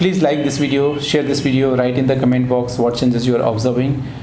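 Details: Adult male speaker; Typical speech.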